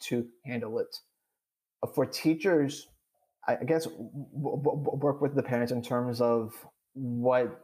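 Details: Adult who stutters, speaking in a podcast interview; stuttering.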